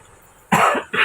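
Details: Mother unwell with a cough and cold, during a live stream: two short, harsh cough bursts after a brief quiet pause.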